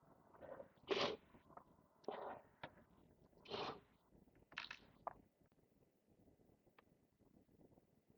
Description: The first 45 seconds were from day 3 of my cold last week. The rest is from day 4. It might be hard to hear but I was really congested those days.